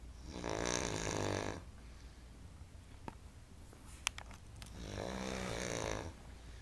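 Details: Very loud snoring: two rattling snores on the in-breath about four seconds apart, with quiet breathing between.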